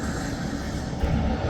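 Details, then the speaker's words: ResMed Stellar 150 non-invasive home ventilator for a child, just after pressing start to begin therapy: steady low whooshing hum of gentle airflow, with a slight rise near the end. "Push the start button once. You will start hearing gentle airflow from the machine."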